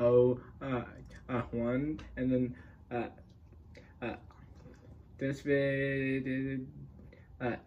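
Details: Adult male speaker; stuttering.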